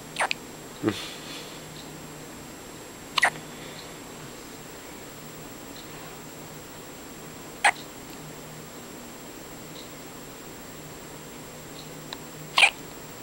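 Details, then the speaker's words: Two-day-old baby girl with hiccups, which she gets two or three times a day: five brief, sharp hiccup sounds at irregular intervals over several seconds against steady room hiss; infant hiccups. "has the hiccups. Hiccup girl. She always had a hiccup."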